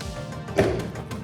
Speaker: haven't had hiccups in ages. Of course I get it now.